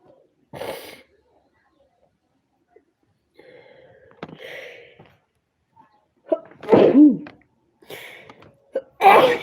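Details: Sneezing fit from a compilation tagged as allergy and induced sneezing: several sneezes in a row with sharp intakes and bursts, some muffled, with quiet gaps between.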